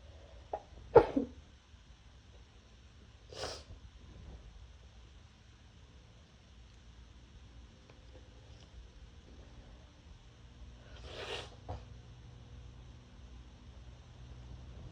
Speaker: I'm trying really hard to muffle them so my neighbors don't hear.